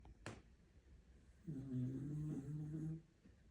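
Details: Deeply asleep, snoring for over a minute: a single low, rumbling snore lasting about 1.5 seconds on the breath, in a quiet room.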